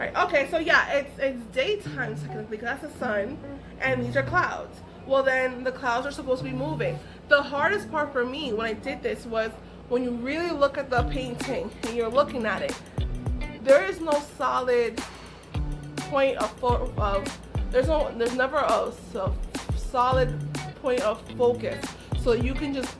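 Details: Adult woman with aphasia following a stroke, which she says took away her ability to talk and write; aphasia.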